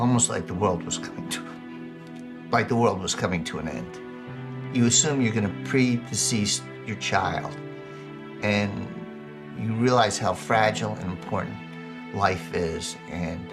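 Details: Adult man speaking; Normal speech.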